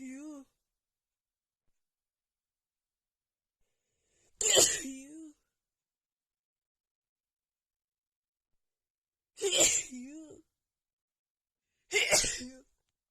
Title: (f) Back with a huge cold sneeze attack